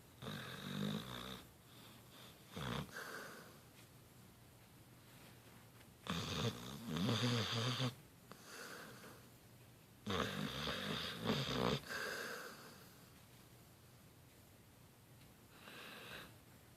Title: talbot hound snoring